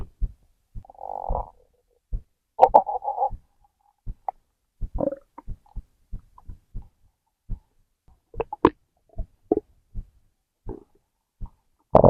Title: Stomach growl #4